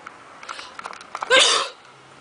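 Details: A single loud, explosive sneeze preceded by a few short in-breaths.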